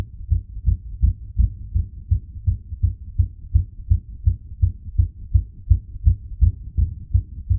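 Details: Rapid, regular, low-pitched heart thumps at about 165 beats a minute, recorded while pressure was applied to the heart using gravity; a fast heartbeat (tachycardia).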